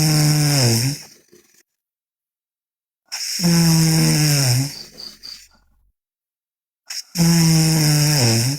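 Loud, deep, rattling snores, three in this stretch, each lasting about a second with quiet pauses between; heavy snoring during sleep.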